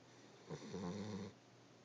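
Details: Boxer/pitbull mix puppy snoring loudly while asleep: a single low, rumbling, fluttering snore followed by quiet breathing.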